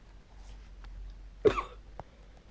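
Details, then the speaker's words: Cough from an adult who says he has fallen ill and apologizes for the cough: a single short, muffled cough with a faint click after it, in a quiet room. "господи я извиняюсь за этот кашель просто заболел"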